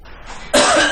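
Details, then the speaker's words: A single short, dry, light cough from an adult, the second of five example coughs, identified as a pneumonia cough. "첫 번째, 두 번째 기침이 폐렴의 기침입니다."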